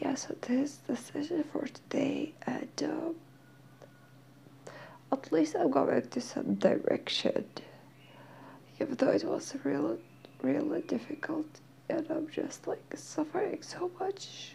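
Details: Dysphonia in a female speaker who is in therapy and slowly regaining her voice; she says she is hard to understand.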